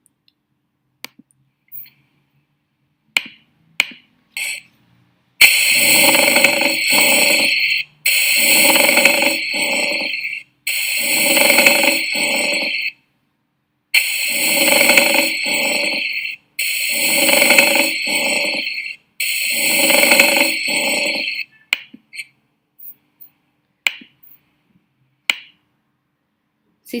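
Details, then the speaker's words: Pleural friction rub on inspiration, likened to two sheets shearing against each other, heard over the lower posterior chest with pleural effusion, played as a teaching example; pleural friction rub. "imagínense ustedes como si fueran dos hojas que se están cisallando, que en la inspiración se cisan. Está. Y eso, ese sonido se genera por la presencia de un poco de líquido dentro de las dos pleuras."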